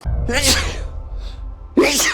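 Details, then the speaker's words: Adult's daily sneezing attack after lying on the floor and rubbing the nose with a hand: two forceful sneezes about a second and a half apart, with background music. "Oh Here we go. Our daily sneeze attack. Never lay on the floor and then rub your nose with your hand."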